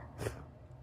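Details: Single brief, muffled sneeze with a snorting quality in a quiet room; sneeze.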